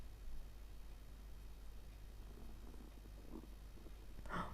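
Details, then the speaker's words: Stomach rumbling (borborygmi) of an adult woman that gurgles even though she has eaten, heard while she talks during a craft session. "le ventre qui gargouille alors que j'ai mangé hein j'espère que vous entendez pas mon ventre gargouiller quand même"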